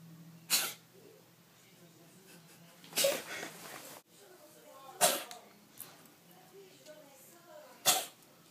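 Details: Four small, sharp, hissing sneezes from a cat over about eight seconds, each a quick burst of air.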